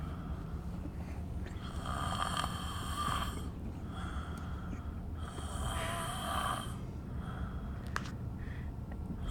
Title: snoring!